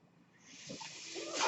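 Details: Speaker's own mechanical ventilator during a spoken podcast: a soft airy hiss swells steadily and ends in a louder rush as a breath is delivered.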